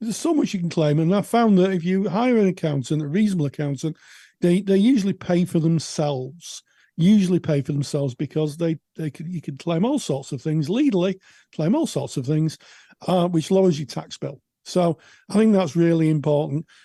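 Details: Adult speaker; typical adult speech.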